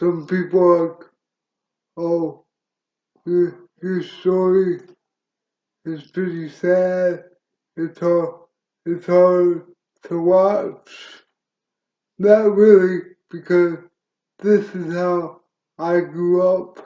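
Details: Dysarthria in an adult male wheelchair user with cerebral palsy present since birth, which he attributes to oxygen being cut off to the brain during birth; he reports a speech impediment.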